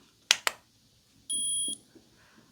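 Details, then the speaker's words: Two soft clicks, then a single electronic beep as an infrared thermometer is run across the forehead to the ear in a simulated, role-played ASMR medical exam; reading given 88.8 °F. "going to check the temperature so I'll just run this across the forehead to the ear"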